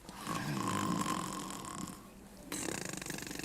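Loud, rough rattling snore, then a rapid fluttering snort; acted snoring from a comedy film scene.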